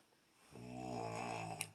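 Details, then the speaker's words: Man snoring while asleep around 1 a.m.: a single loud, rattling snore on an in-breath, ending in a brief snort. "wake your tail up with all that snoring what the how you sleeping like that oh my god"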